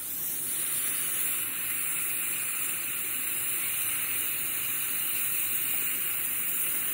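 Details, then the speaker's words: Adult dental hygienist getting her own teeth cleaned in the dental chair after x-rays, her first cleaning in a while; continuous high hissing water spray with a faint whine from a dental scaler. "okay getting my teeth cleaned now it feels so weird being in the chair"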